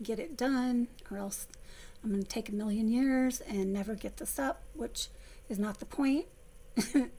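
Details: Adult woman with essential tremor, before focused ultrasound treatment, whose vocal cords have been affected for about 3–4 years; she had been down to near-whisper, improving somewhat after stopping a medication with voice loss as a side effect; vocal tremor (essential tremor).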